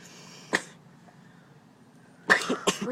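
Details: Voluntary cough.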